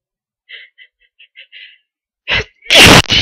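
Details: Person blowing their nose: several faint quick intakes and small puffs build to a loud, forceful sneeze, then a second shorter blast; stubborn sneezes.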